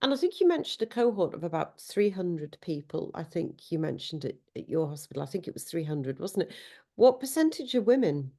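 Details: Adult speaker; normal speech.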